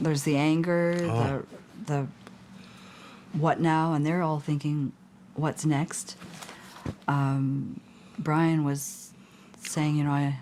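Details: Adult male stroke survivor with post-stroke aphasia who at first was unable to speak and very limited in words; aphasia.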